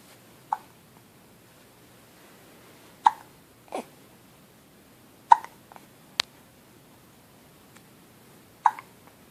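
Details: A baby hiccuping: brief, sharp hiccup sounds at irregular intervals, about six in nine seconds, in a quiet room.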